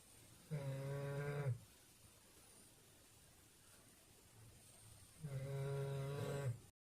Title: Doberman snoring